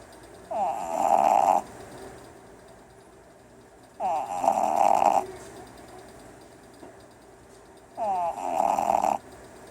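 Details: Red Boston terrier puppy sleeping and dreaming: three loud, rasping snores about four seconds apart, each with a fluttering rattle, separated by quiet pauses; ordinary snoring.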